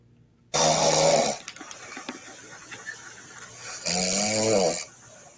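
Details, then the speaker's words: Two loud, rough snores about three seconds apart on the in-breath from a sleeping woman, with quiet breathing and faint room noise between: snoring. "oh no she's lightweight but she's snoring but let's listen to this"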